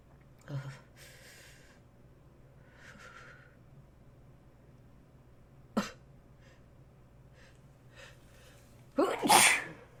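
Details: Quiet breathing and small sounds, then a sharp burst near the middle and a loud, forceful sneeze at the end; sneeze.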